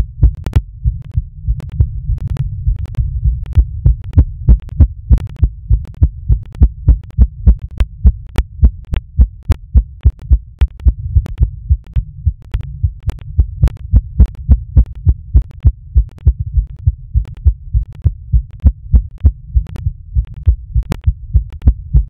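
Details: Rapid, regular, low thumping heartbeat at roughly 100 beats a minute, recorded during masturbation: a fast but ordinary rhythm.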